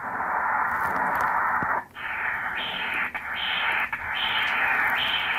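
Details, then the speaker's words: Right uterine artery Doppler at 24 weeks' gestation, sampled 1 cm below the iliac crossover on a Voluson E10: rhythmic whooshing pulses with continuous swishing, seashell-like diastolic flow; normal uterine artery signal. "here is my right Neutron archery with the beautiful again swishing sound seashell sound again I've got a lovely crisp outline you can see the various velocities through the waveforms"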